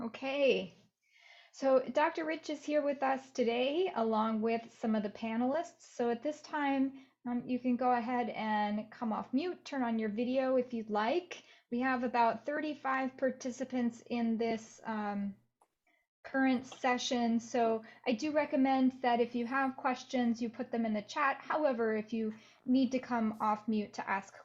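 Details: Adult woman speaking; ordinary speech.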